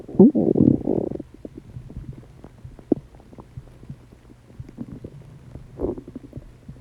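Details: Loud digestive noises from a person's stomach after eating: a loud gurgling rumble, then scattered soft bubbling pops and gurgles; active, ordinary borborygmi.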